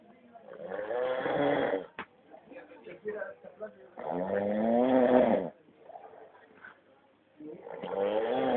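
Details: Loud, rattling snores with a buzzing, tonal quality on each breath in, about 17 per minute, separated by quiet breathing-out pauses: snoring.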